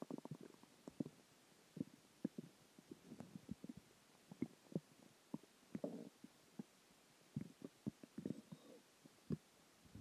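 Frequent short irregular gurgles and pops with a few longer rumbles over a quiet hiss. Stomach growling, a normal bowel sound.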